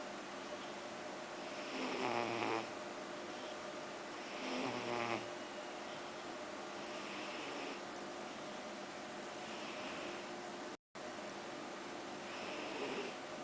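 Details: Snoring: soft, rhythmic snores with a low rattle on each breath, several cycles, in a quiet room.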